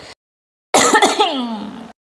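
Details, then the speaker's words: A brief run of rapid, voiced coughs trailing into rough throat clearing from an adult with a cold and cough (suspects Omicron), recorded while eating a very spicy jackfruit and dried squid dish. "Sorry Guys karena Emang saya lagi batuk sedikit ya kemarin mah ketuk sekali sininya"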